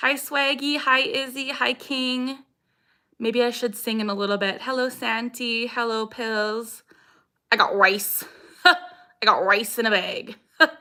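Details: Vocal tics (Tourette syndrome) in a 26-year-old woman; the tics include a repeated phrase that she says came from something an ex-boyfriend said.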